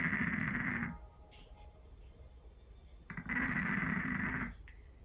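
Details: Scottish Fold cat snoring loudly: harsh rumbling snores about a second long with quiet pauses between breaths.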